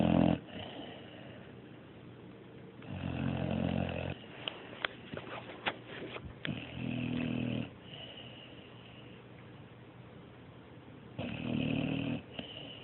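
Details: Low, rough, rattling snores, roughly every four seconds, with faint snuffles between them; snoring.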